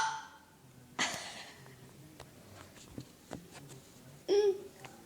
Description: I get hiccups a lot and I don't really deal with them well. I always do really loud and weird sounding ones and I vomit a little and that's why I go 'Peh.......Peh'